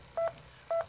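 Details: Two short, identical electronic beeps about half a second apart: alert tones from a Philips defibrillator, dial turned to 150 and monitor showing v-tach, during a defibrillation demonstration.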